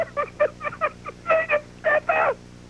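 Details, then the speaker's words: Adult man with asthma laughing on a radio show; high, squeaky laugh bursts with a whistling, wheezy edge, described as his "breather" going when he gets tickled: wheezy laughter in asthma. "okay so that that and has asthma yeah and he has asthma so he has a breather get a breather sometimes when you're talking to Ryan on the phone he gets tickled and you lose Ryan and you hear that breather going"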